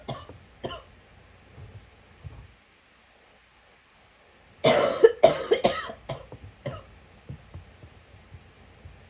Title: Gagging cough